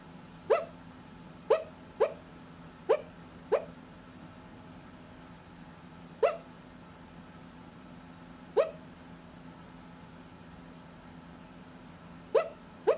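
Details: Sleeping dog wearing a blue sweater: nine short, sharp hiccup sounds at uneven intervals over thirteen seconds, with a low steady background hum; sleep hiccups.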